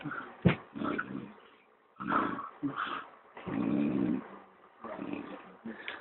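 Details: Irregular low grunting and snorting noises in bursts with short pauses, from a sleeping animal: snoring.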